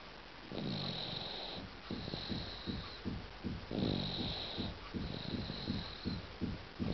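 Rhythmic snorting, rattly breathing noises during sleep with a steady high-pitched whine in the background; infant snoring.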